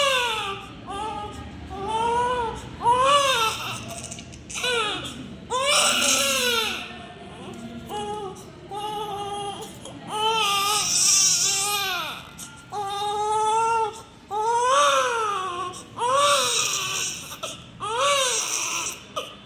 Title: Crying newborn baby sound effect ||Blue colour|| #newbornbaby #neonatal #love #newborn